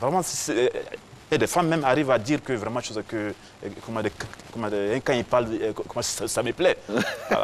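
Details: Adult man with stuttering who has had some speech re-education: stuttering.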